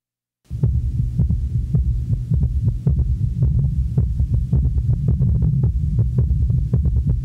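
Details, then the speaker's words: Low-pitched heart sounds with a four-sound cadence from added third and fourth sounds at a normal rate of 60–100, heard at the apex of an elderly male with heart disease: quadruple rhythm (S3 and S4 summation gallop). "now listen to all four sounds taken at the apex of an elderly male patient with heart disease"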